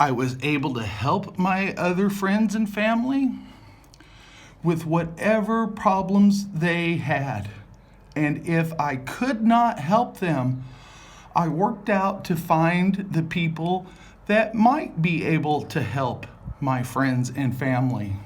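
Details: Adult male with aphasia after multiple strokes, with word-finding difficulty and jumbled or unintended words; aphasia.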